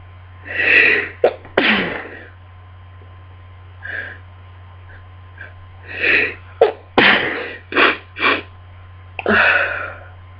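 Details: A rapid run of about eight sneezes, each with a quick inward breath and sharp burst: a sneezing fit during a miserable cold.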